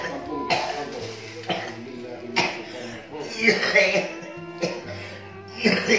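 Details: Night-time cough in a thin person.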